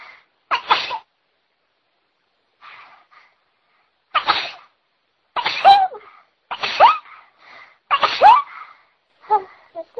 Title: I can't stop sneezing!!